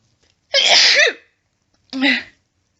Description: My nose was so itchy and burning from stifling so many sneezes that it just wouldn't stop. They were much louder and wetter than my usual sneezing.